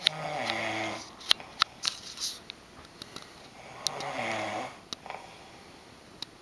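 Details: Adult man snoring at night in a shared hotel room: two rough, rattling snores on in-breaths with scattered clicks and room noise between; snoring.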